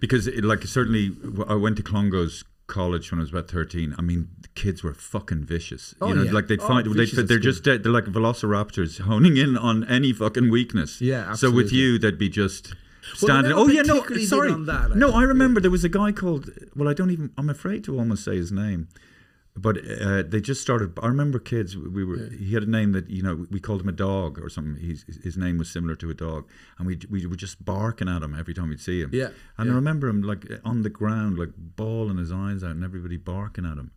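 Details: Adult man speaking in conversation; ordinary conversational speech.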